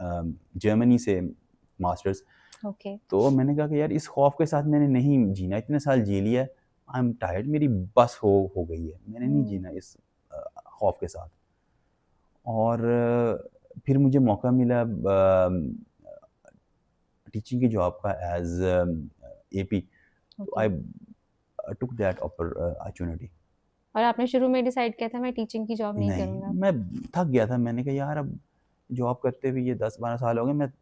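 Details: Adult male who has stammered since childhood; stuttering.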